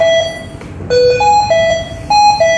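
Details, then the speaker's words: Loud, repeating, melodic electronic alarm tones at changing pitches from a HAMILTON-C3 ventilator during a hospital staff training session, with alarm messages shown on the screen. "Oke, nah terus kemudian kalau mau kita lihat tadi yang ada alarm-alarmnya, nah di sini sudah ada tulisannya."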